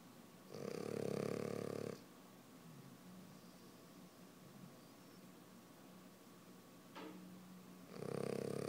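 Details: French bulldog puppy snoring very loudly while asleep with eyes open: two rattling snores about seven seconds apart, with quiet breathing between them.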